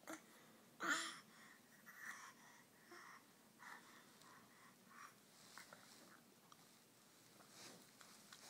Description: Coughing baby